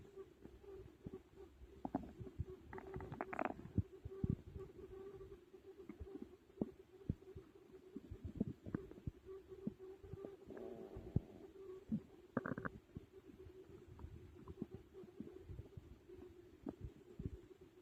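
Frequent gurgling, bubbling and clicking bowel noises over a low steady hum; active stomach growling during digestion after a large meal, normal.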